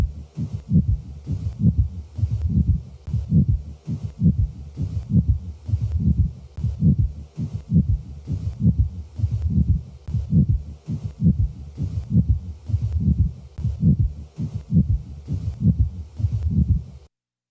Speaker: the following example displays a typical friction rub recorded at the left sternal border of a male with pericarditis both the systolic and diastolic components of the rub are heard